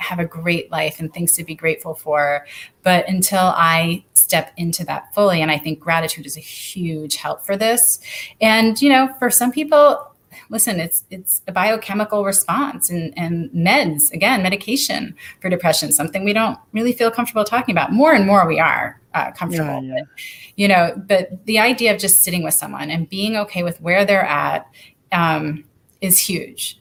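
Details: Adult woman speaking; typical speech.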